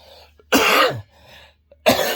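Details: Two harsh, forceful coughs in a quiet room from a man reporting cough, throat pain and no sleep.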